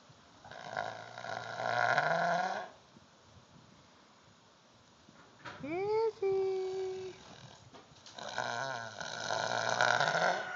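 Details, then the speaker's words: A 15-year-old female Clydesdale cross, waking from sedation given for an eye injury, snores for about 45 minutes: two long, loud, rumbling snores separated by a quiet pause, with a brief voice between them. "this would be isabo the Clyde stale horse who's coming out of sedation and is having a little bit of a snoring"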